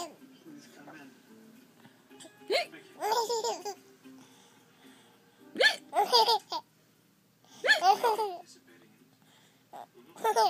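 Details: Person hiccuping while another person laughs: short abrupt vocal catches alternate with bursts of laughter. Hiccups.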